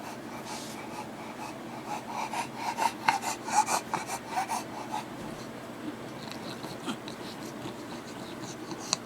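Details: Rapid, noisy snorting breaths with a wheezy, rattling edge, about two a second, in a quiet room; owner wonders whether such heavy breathing is normal for a Bulldog; noisy snorting breathing.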